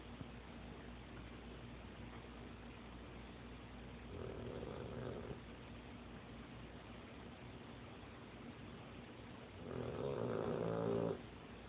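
Two rattling, buzzing snores on the in-breath, about five seconds apart, over steady background noise; a sleeping dog snoring.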